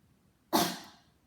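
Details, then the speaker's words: Supine manually assisted cough demonstration in cardiopulmonary physical therapy: hands placed together on the lower costal margin at the diaphragm, pressing down and out as the patient coughs. A single strong cough burst with a fading tail. "put your hands at the lower cosmos together at the diaphragm and you're gonna apply pressure it's gonna be down and out so they're gonna end it out"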